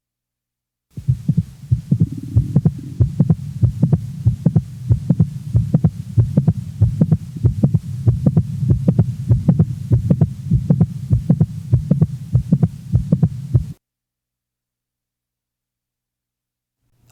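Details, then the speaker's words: Normal 20-year-old female with a typical mid-systolic click: steady heart sounds with a short, sharp extra click in mid-systole between the first and second heart sounds. "the next example is that of a normal 20-year-old female with a typical midsystolic"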